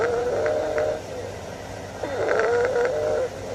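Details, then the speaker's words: High-pitched wheezes over the posterior chest: musical squeaking sounds mostly on expiration, separated by quieter inspirations. "High-pitched wheezes are musical squeaking sounds, mostly on expiration."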